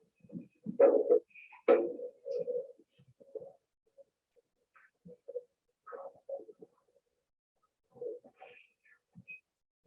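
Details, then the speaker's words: Handheld Doppler with conductive gel over the brachial artery of a left ventricular assist device patient, with BP cuff on, before cuff inflation for mean pressure: soft irregular whooshing flow without crisp pulsatile beat, typical of continuous-flow LVAD. "she's going to turn the doppler on she's going to locate the brachial pulse you hear the pulse"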